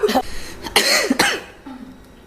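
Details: Several sharp, harsh cough bursts with throat clearing in quick succession, then quiet room noise; cough.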